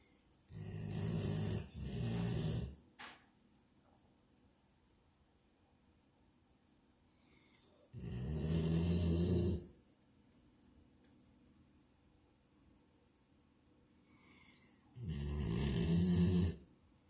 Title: The snoring Lab!